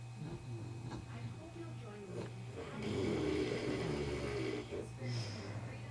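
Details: Monty snoring: low, rough, rumbling breathing over a steady background hum; snoring loud enough that he sleeps in a separate room.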